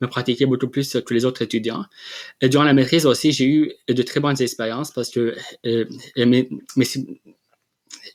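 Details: Adult man who has stuttered since childhood and has had speech therapy, speaking French in an interview; stuttering.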